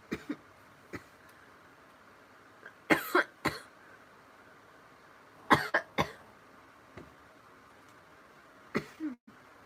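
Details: Girl with hiccups: several short dry coughs and throat clears, some in pairs, scattered over about ten seconds in a quiet room.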